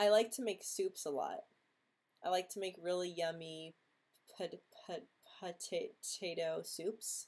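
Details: Adult woman, a former Marine, who stutters and attributes her social anxiety to it; stuttering.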